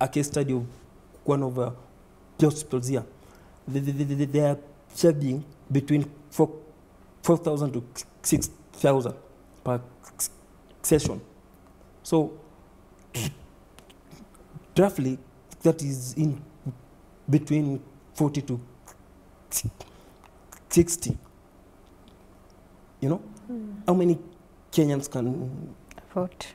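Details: Man under 30 who stammers, reporting repetition, blocks, prolongation and added syllables; stuttering.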